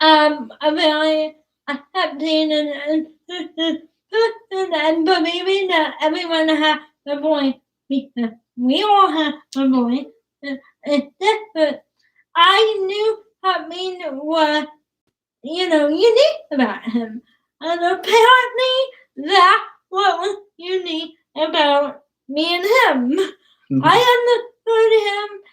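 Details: Young woman with cerebral palsy, sometimes hard to understand per parents, started talking late and worked with a speech pathologist on sounds such as plosives; dysarthria (cerebral palsy).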